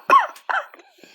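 Two short, voiced cough bursts from a child after holding the breath, followed by faint sounds.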